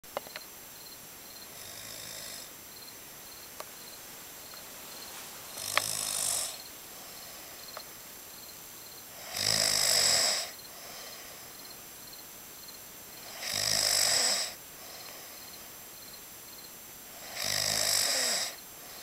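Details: Breathy, rasping snores repeating about every four seconds, near 15 a minute, over a steady hiss of night noise at Joshua Tree; seismic snoring.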